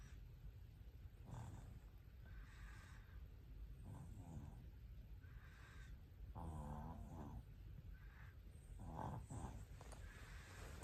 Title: #sleepapnea #snoring